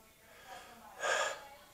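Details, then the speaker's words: Normal clear breath sounds heard by stethoscope over the front and sides of the chest during deep breaths, with no wheezing, crackling or obstruction; a demonstration of listening to the lungs. "if it's clear and there's no obstructions nothing that sounds like like like wheezing or crackling or anything that can is considered like outside the normal of what you would say is clear lung sounds then it's that's going good"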